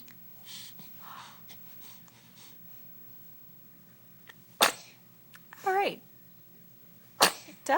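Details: Person sneezing: two sharp sneeze bursts a few seconds apart with a short voiced squeal between, over quiet room noise; sneezing.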